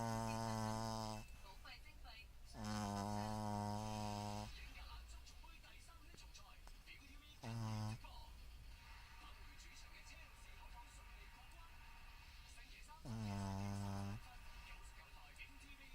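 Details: Deep, droning snores in repeated bursts with quieter breaths between them, over faint room noise. Snoring.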